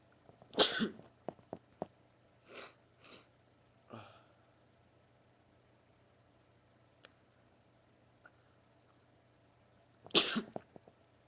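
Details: Male sneezing, part of a run of 20: two sharp, hissing sneezes about ten seconds apart, with quieter sniffs and breathy sounds between, in a quiet room.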